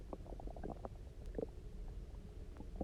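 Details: Loud, low, resonant gurgling rumbles with bubbly pops from an empty stomach after about 24 hours of near-fasting, water drinking and lying on the side; hunger borborygmi.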